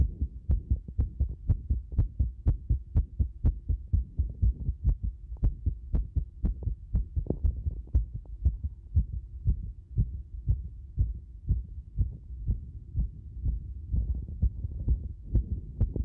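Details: Rapid heartbeat near 120 a minute with many unevenly spaced beats: an irregular heart rhythm.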